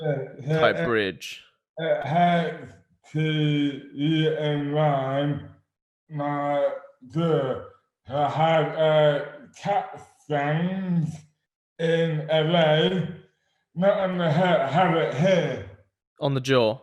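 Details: Adult man with dystonia, slurred speech beginning suddenly overnight in May 2008, about 12 years before this 2020 interview; speech severely impaired, hands also affected; dysarthria from oromandibular dystonia.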